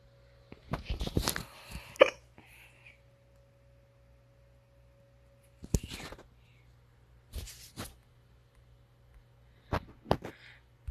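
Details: Several short, abrupt hiccups spaced a few seconds apart over a quiet hum.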